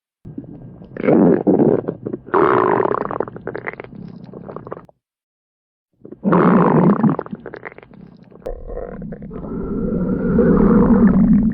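Long, loud gurgling and growling rumbles in two bursts, the second ending in a drawn-out groan; stomach growling.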